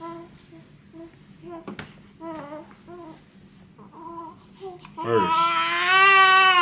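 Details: Soft fussing whimpers building into a full, loud wail from a baby boy within his first 24 hours after birth, while his father swaddles him; an ordinary newborn cry.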